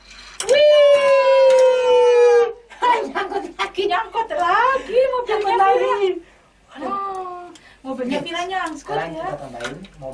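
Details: Pre-verbal vocalization of a young child with hearing loss who uses hearing technology but cannot yet understand conversation or speak, during an Auditory-Verbal Therapy session.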